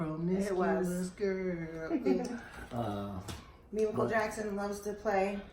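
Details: Adult speaker; Normal voice.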